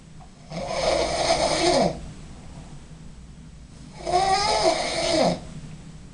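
Two loud, rough, fluttering snores on the in-breath, each about a second and a half, with quiet breathing between.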